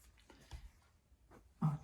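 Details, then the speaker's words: Dog snoring in the background while a person talks during a stitching update video. "Excuse the dog snores if you can hear them. When I'm not rabbiting on, you can probably hear a snoring in the background."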